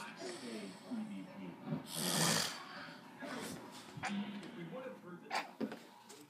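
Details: A father snoring while asleep: irregular rough, fluttering breaths with a loud, harsh snorting snore and several short snorts; snoring during sleep.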